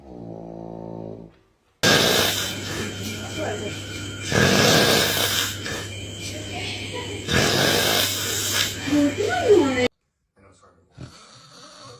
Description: Ranking the best snore clips ever.